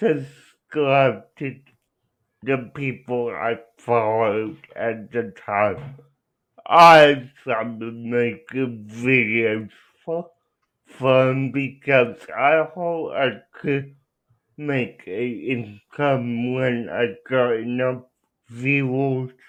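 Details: Adult man with cerebral palsy, real patient answering interview questions; dysarthria (cerebral palsy).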